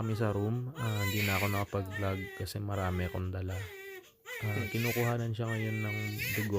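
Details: Newborn girl, second daughter, just after hospital delivery in Winnipeg, Canada: loud, strong crying in repeated bursts with brief breaths between them; newborn cry.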